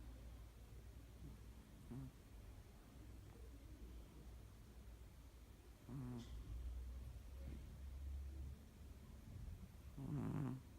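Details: Cat snoring while asleep on a person's arm: soft rumbling snores recur about every four seconds over a low steady background hum.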